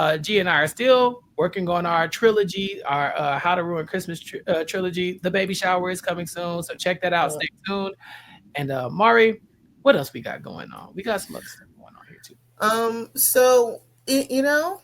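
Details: Adult speaker, podcast-style talk; Normal speech.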